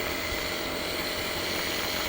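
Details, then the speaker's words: Dr. Morepen nebulizer running with water in the cup as a demonstration: a steady hiss and constant motor hum as mist comes out through the tubing and mask; nebulizer running. "তারপর দেখুন ধুমের মত বের হবে দেখুন বটে"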